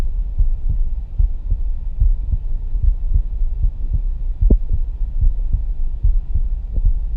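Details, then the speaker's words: Live stethoscope auscultation at the tricuspid area, after the aortic and pulmonary areas: loud low lub-dub beats, roughly 75 a minute, over a rumbling background; clearly audible normal first and second heart sounds. "there was an audible difference between when we were listening to the AOC at the pulmonary and then we jump down to the tricuspid you could hear the love dub really"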